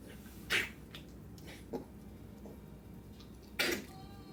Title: pup coughing